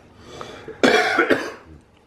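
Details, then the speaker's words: Adult man, who has been coughing for the past two weeks, asked to pretend to cough for a picture: a few harsh, forced coughs in quick succession; deliberately imitated, not a true cough. "do do it more aggressively you don't actually have to cough you just have to make the face uh I just needed a picture because you kept coughing for the past two weeks"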